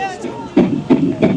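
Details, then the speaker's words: A 6-week fetal heartbeat from a Doppler ultrasound, played over loudspeakers at an outdoor rally: quick, whooshing, rapid early-pregnancy heart pulses. "6주차 아기의 심장소리입니다. 6주차면 초음파로도 겨우 아기집을 확인할 수 있습니다."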